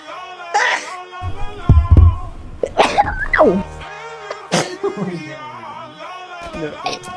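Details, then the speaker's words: Edited compilation of sneezes from several girls and, last, a guy with an unexpected sneeze: a string of short, sharp sneezes with music playing throughout. "These sneezes are funny, but wait till you see the last one."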